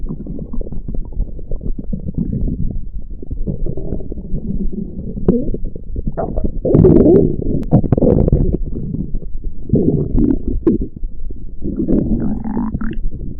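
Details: Long, low gurgling and rumbling from a person's belly, rising and falling in waves; stomach growling (borborygmi).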